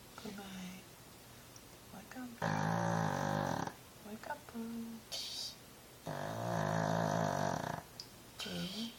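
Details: Tired female pug sleeping, possibly dreaming, won't wake: loud snorting snores about every four seconds with soft talking in between; snoring.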